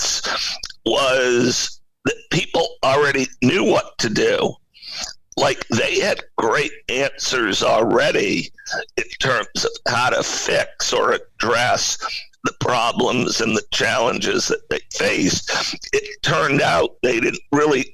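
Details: Spasmodic dysphonia in an adult male CEO: a rare neurological voice disorder affecting only speech, with no known cause or cure, acquired in 2010.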